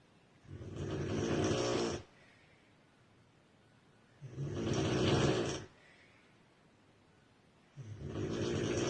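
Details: A girl asleep: loud, harsh, rattling snores on each breath in, about 17 a minute, with quiet pauses between; heavy snoring.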